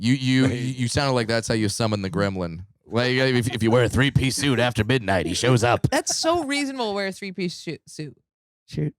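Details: Stuttering in a man who stutters and says it began in childhood after his parents forced him to switch from left- to right-handedness; he had speech therapy for years.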